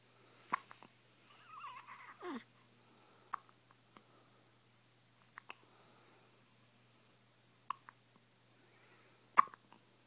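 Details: Baby daughter with hiccups: sharp, brief hiccup clicks about every two seconds, five in ten seconds, in a quiet room, with a short whine early on.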